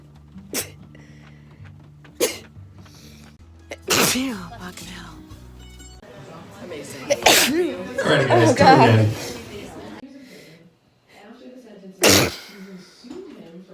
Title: Sneezing through Allergy Season